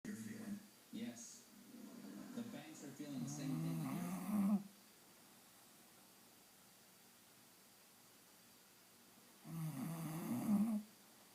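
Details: Bulldog making loud, rough, low rattling snores while apparently awake: two long snoring breaths separated by a quiet pause, typical flat-faced dog snoring.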